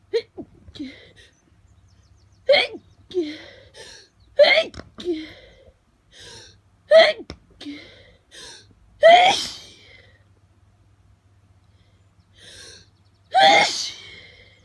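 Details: Adult with pollen hay fever after leaving the window open, in the morning: a run of sharp, explosive sneezes, some after quick indrawn breaths, over about fifteen seconds; allergic repeated sneezing.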